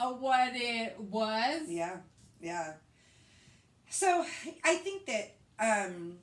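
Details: Post-stroke aphasia in a woman after a hemorrhagic stroke. She speaks in conversation. Finding: aphasia.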